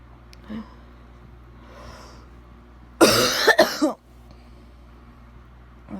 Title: Bad wet coughing